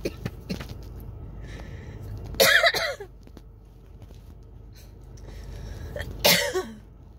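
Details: Coughing fit from a throat tickle with shortness of breath, recorded in a car; harsh coughing bursts a few seconds apart with throat clearing and breaths between, amid chest patting, drinking water and inhaler use that didn't stop it.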